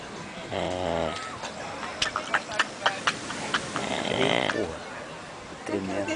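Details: A sleeping man snoring loudly, with rough breaths and snorting bursts while people talk and laugh nearby.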